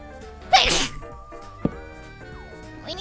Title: Sneezes